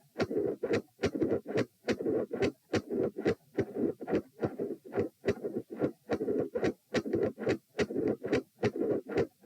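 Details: Heart sounds recorded at position p, lying down, during attempts to provoke murmurs: loud, both S1 and S2 split, about 71 a minute, midsystolic murmur filling the gap between beats.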